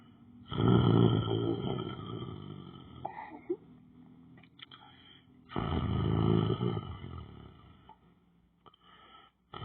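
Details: A person lying down on the floor asleep: two long, loud, rough breathing sounds about five seconds apart, with rustling between; likely snoring.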